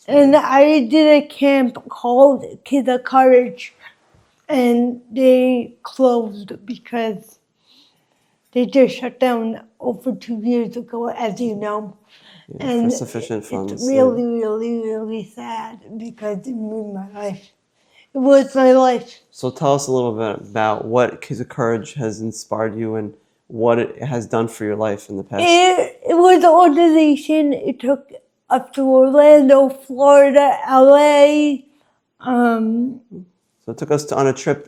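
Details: Dysarthria in an adult woman with congenital cerebral palsy, present since birth, which she says affects her walking, face, mouth, drooling and speech.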